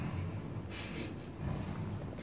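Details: Adult imitates a light snore, illustrating the mild, light snoring of a husband whose sound a fetus may perceive during pregnancy: a soft, low rumbling breath with a brief airy snort through the nose.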